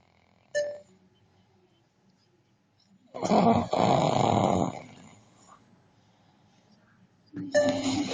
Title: how africans snore with swagg!!! must watch